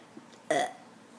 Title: BURPS!!!! AGAIN!!!! BUDDY!!!!